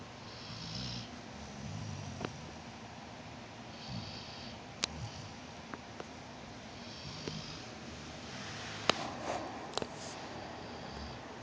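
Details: Sleeping puppy snoring: soft, low rumbling breaths with a few snorts and sniffs in a quiet room.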